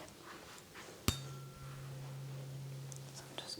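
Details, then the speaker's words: Rinne hearing test during a yearly exam on a real person, ASMR style: a tuning fork is struck and pressed behind the ear to test bone conduction; a sharp strike, then a steady low hum slowly fading in a quiet room. "I'm going to press it here right behind your ear you're just going to tell me when you stop hearing it it's basically when you're trying um like the bone conduction of sound"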